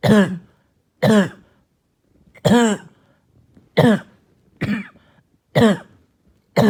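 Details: Barking and hacking cough all night: seven harsh, hoarse barking cough bursts at roughly one-second intervals with quiet gaps between.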